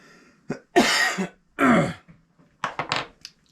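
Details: Bobby, an adult man on a podcast who coughs a lot: three harsh, loose cough bursts followed by short throat-clearing sounds, in a quiet room; cough.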